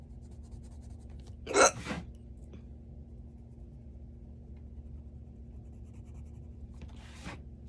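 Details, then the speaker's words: Adult with a strong bout of hiccups at work, feeling very thirsty: a single sharp hiccup with a faint second one over steady room hum. "let's do a hiccups video I haven't had these in a while like actually the strong of hiccups so there you go hiccups fans"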